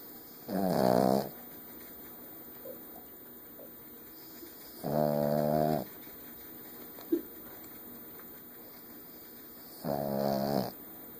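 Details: Sleeping dog snoring: three drawn-out, buzzing, groan-like snores about five seconds apart, roughly 12 breaths a minute, with a steady hum behind.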